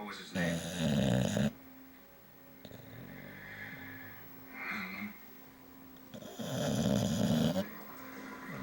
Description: Our english bulldog, Bo, demonstrates his amazing snoring ability.